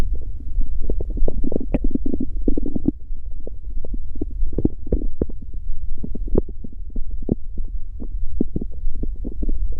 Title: Stomach growl. Gururururu... The sound won’t stop.